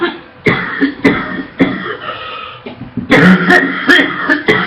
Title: Girl Coughs Non-stop - Barking & Wet Cough - Sexy Coughing so much she gags 😉 - (SUBSCRIBE FOR MORE)